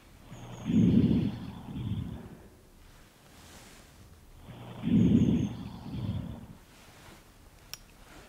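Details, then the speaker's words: Deep breaths in and out through the mouth during an OSCE chest auscultation demonstration: soft, low rustling breaths through a stethoscope, two full cycles with longer inspiration; normal vesicular breath sounds. "james is now going to listen to the chest if you could just take some deep breaths in and out through your mouth"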